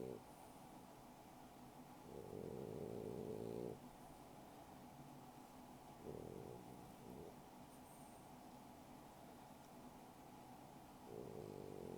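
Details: Sleeping French Bulldog: soft, rumbling snores every few seconds over a steady background hum; snoring.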